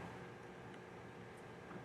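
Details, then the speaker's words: Prehospital disposable CPAP circuit connected to the oxygen bypass port of the regulator, PEEP set at about 5: a steady loud rushing hiss like air leaking, showing the CPAP device airflow is working. "device working these devices are very loud it's going to sound like airs leaking through it"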